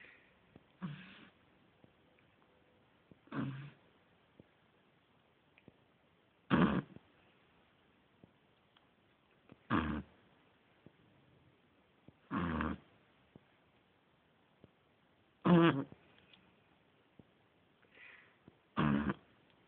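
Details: 9-week-old Beagle puppy asleep: regular snorting snore bursts about every three seconds, roughly 19 a minute, in a quiet room; snoring.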